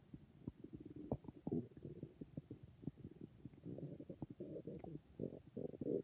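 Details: A person's stomach makes irregular low gurgles and rumbling bursts from the abdomen: stomach growling, ordinary bowel sounds (borborygmi).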